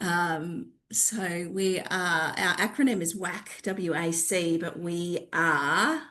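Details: Adult woman speaking; normal voice.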